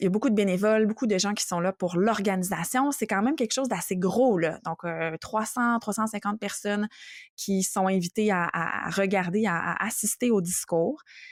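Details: Adult woman speaking French; ordinary speech.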